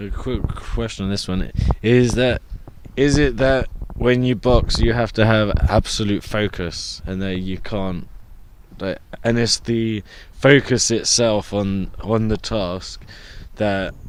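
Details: Adult person who stutters, with blocks, reporting bad speech days over the last few months; stuttering.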